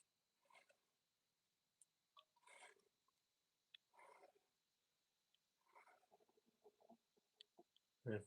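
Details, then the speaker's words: A female dog snoring in the background of a room while she sleeps; she may have slept poorly the night before. Soft snorting, snuffling breaths come in bursts every second or two: dog snoring. "that noise is my dog snoring in the background, just so you know."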